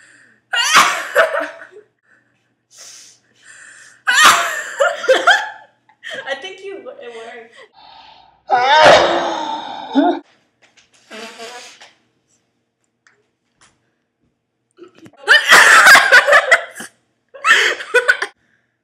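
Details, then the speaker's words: Friends deliberately inducing sneezes by stuffing ground pepper up their noses on toilet paper, trying to keep eyes open: several forceful sneezes and gasping breaths amid talk and laughter in a small room; nose burning afterward. "hi So today we're doing the sneezing challenge basically uh we're trying to sneeze and keep our eyes open at the same time"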